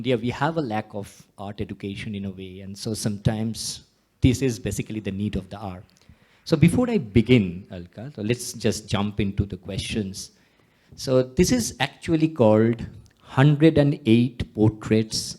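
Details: Adult male speaker; Normal voice.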